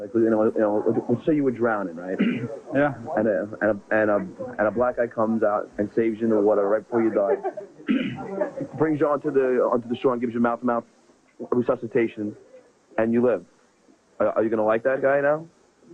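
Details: Adult man who has stuttered since second grade, conducting an interview, with part-word and word repetitions; stuttering.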